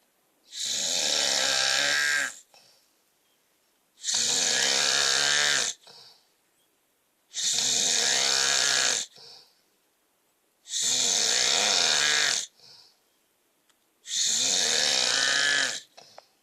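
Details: Adult man (husband) snoring during a typical night's sleep: loud, regular snores about 18 a minute, each a long rough inhalation with a brief puff on the out-breath; loud snoring.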